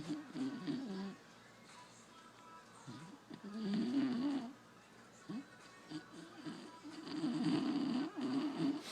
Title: Snoring beagle won't wake up